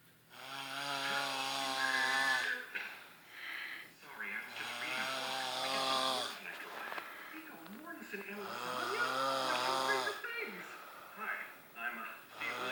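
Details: Sleeping adult friend: loud long droning vibrating snores on the in-breath, about 16 a minute, rougher at the end of each.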